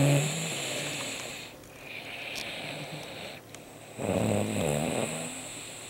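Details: Sleeping father snoring, recorded as a practical joke: rough, rattling snoring breaths in a noisy room.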